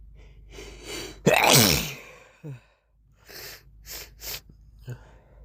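One loud explosive sneeze with a sharp intake before it, followed by several short nasal sniffs and snuffles of a runny nose.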